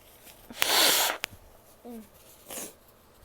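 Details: Female sneezing: a single forceful sneeze, followed by a brief voiced sound and a softer sniff or snort.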